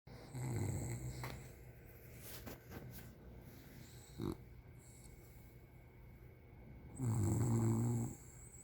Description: Silly English bulldog fast asleep, way too comfy.